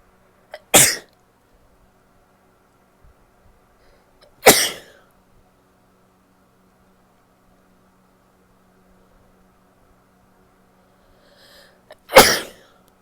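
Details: Female sneezing after a delayed nasal itch: three separate sharp, explosive sneezes, each preceded by a brief intake of breath, in a quiet room.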